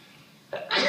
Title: Sneezes During Interview